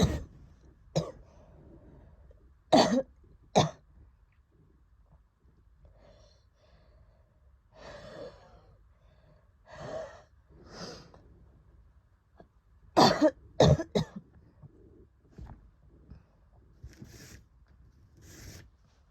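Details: Asthma attack after COVID in a woman: harsh, dry coughs in short bursts, with labored, noisy breaths between them.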